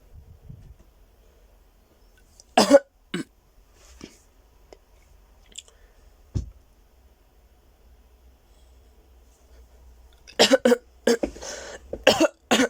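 A few isolated coughs in a quiet room, then a rapid cluster of harsh coughs near the end: a short coughing bout.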